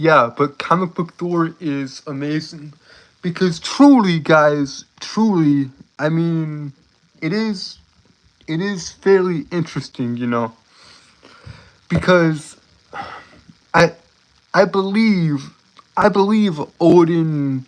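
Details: Adult male live-streamer with a self-reported speech impediment who stutters a lot, with word repetitions: stuttering.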